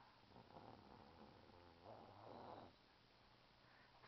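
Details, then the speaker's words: Six-year-old boy snoring loudly during sleep, in REM: soft rattling, purr-like breathing sounds, light snoring. "He's got REM. He snores so loud."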